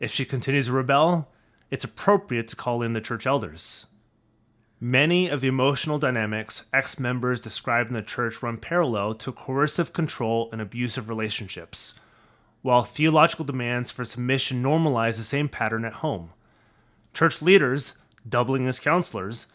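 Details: Adult man, narration; ordinary speech.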